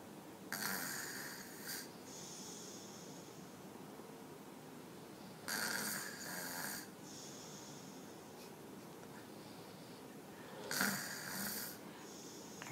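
Three loud, harsh snores about five seconds apart, roughly 12 breaths a minute, with quiet breathing between: loud snoring in a young child.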